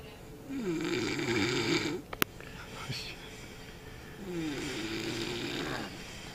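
Two long, loud, fluttering and wavering breaths with a rising and falling whistle-like tone, separated by a pause: unusual, musical snoring.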